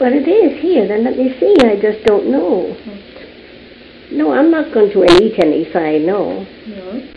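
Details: Patient with Wernicke's aphasia, a disorder typically caused by stroke affecting Wernicke's area in the left hemisphere; unable to answer simple yes/no questions; Wernicke's aphasia.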